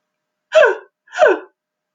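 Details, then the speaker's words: Adult imitating inspiratory stridor, the harsh upper-airway noise of occlusion from a foreign body or swelling such as epiglottitis or croup: two harsh, noisy in-breaths. "a stride or is an inspiratory noise from an upper airway so it's normally some type of occlusion whether that's a foreign body or fusion or whether it's swelling for example epiglottitis or croup you'll hear a lot inspiratory kind of a steel bark so let me try and do an impression of it"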